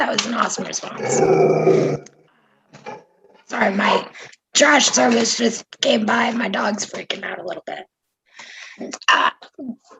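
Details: Adult speaker; normal voice.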